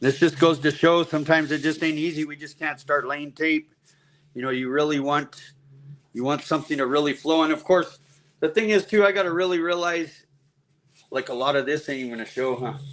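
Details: Adult man speaking; Normal voice.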